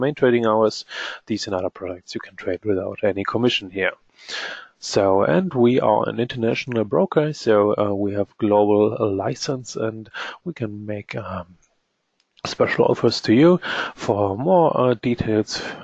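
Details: Adult male speaker; normal voice.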